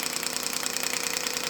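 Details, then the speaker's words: Shockwave therapy demonstration in physiotherapy: the head is placed on the skin and moved gently over a tender area, giving fast, steady, evenly spaced clicking pulses. "okay then we take the head of the shock wave just onto the skin and we're moving that around now you will hear a machine just get a little bit lighter as we turn it on here"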